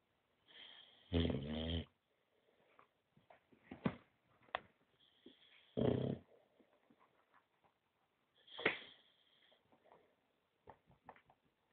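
A sleeping dog snores in slow, irregular rough breaths, some with a loud rattling buzz, about 13 a minute, in a quiet room.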